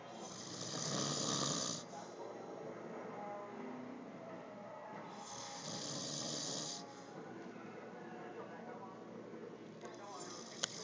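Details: Loud, harsh snores on slow breaths, about 12 a minute, from a sleeping adult man who claims he doesn't snore, with room noise between; snoring.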